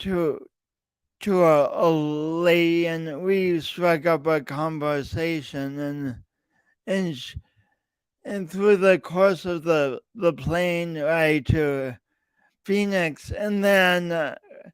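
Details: Lifelong speech impediment with coordination differences in an adult podcast host speaking about his own condition; real, disfluent speech.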